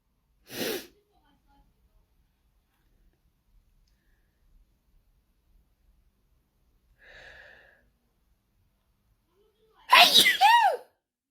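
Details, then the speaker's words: Sneezing fit with no known trigger; the person mentions that perfume, cleaning products or powder sometimes cause it. Two sharp sneezes about ten seconds apart, the second louder and voiced, in a quiet room. "Don't ask me what the trigger is because I have absolutely no idea. I just sneeze. Sometimes I just sneeze."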